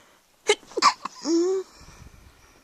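Sharp, explosive sneeze bursts followed by a short voiced tail and quiet breathing afterward; ordinary sneezing.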